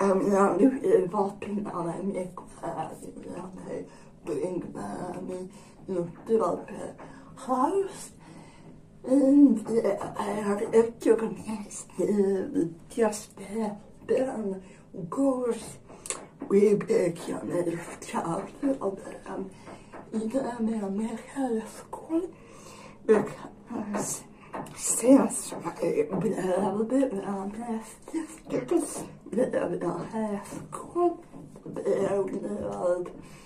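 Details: Adult woman speaking; dysarthria in generalized dystonia.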